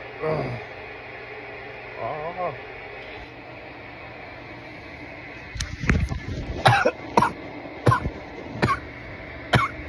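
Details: Coughing fit after inhaling bong smoke: a few short vocal sounds, then about seven sharp, repeated coughs against steady room noise.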